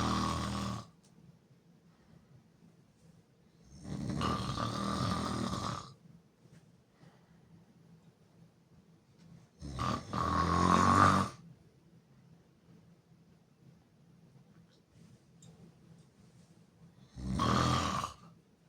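Four loud, harsh snores with quiet pauses between, about 9 breaths a minute; rough open-mouth snoring.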